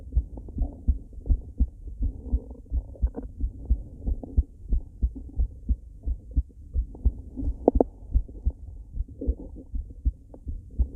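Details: Female heartbeat: steady low thumping at about 88 beats a minute, with faint gurgling of stomach growling underneath; a normal heartbeat.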